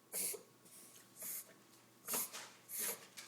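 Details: Five-month-old female mini dachshund puppy with repeated harsh, noisy snorting breaths in quick succession, chest heaving and nose flaring, mouth closed; vet suspected reverse sneeze (paroxysmal inspiratory snorting) after normal bloodwork, kennel cough ruled out, owner unconvinced.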